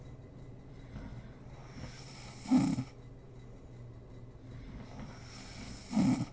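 Two brief, soft, rattling snorts about three and a half seconds apart over quiet room noise: light snoring.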